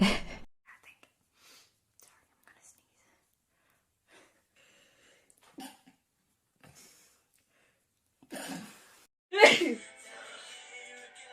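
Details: A girl sneezing in a quiet room: quiet breathy sounds and soft catches, then two sharp sneezes near the end, the last one loud.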